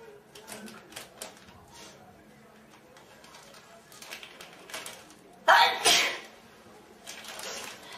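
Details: Four girls sneezing: one loud, explosive sneeze stands out among softer breaths and rustling; ordinary sneezing.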